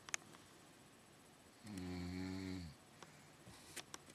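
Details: Adult woman (an aunt, habitual snorer) recorded snoring asleep at night: a single low, buzzing, one-second snore over room noise and faint clicks.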